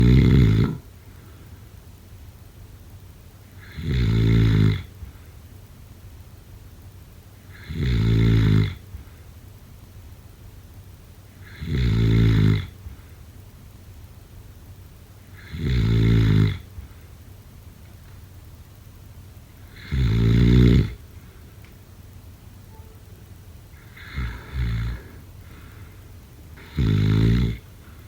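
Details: Snoring: steady, low, rumbling snores on each in-breath, about 15 a minute, with quiet pauses between.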